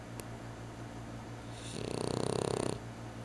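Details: One rattling, fluttering snore lasting about a second over steady low room hum during a deep Saturday-afternoon snooze; snoring.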